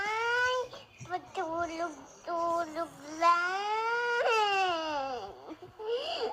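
Repeated high-pitched wailing cries with whimpering breaks between them, typical of an infant crying.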